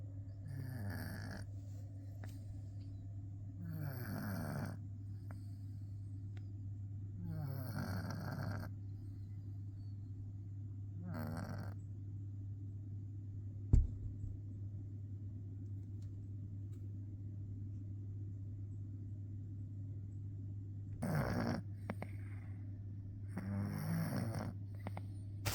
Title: Cat Snoring Like A Tiny Chainsaw 🐾😴